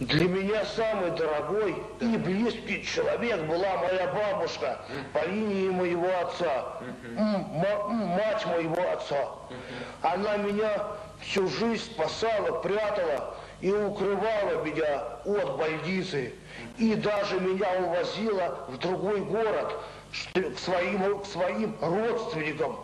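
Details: Adult man with mild intellectual disability (debility) and speech pathology, recorded in a 1995 psychiatric interview film; speech disorder in mild intellectual disability.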